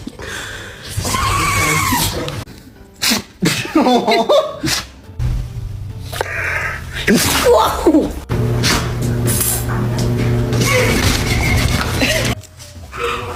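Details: Compilation of dog sneezes: several short, sharp nasal bursts, with music and laughter in the background.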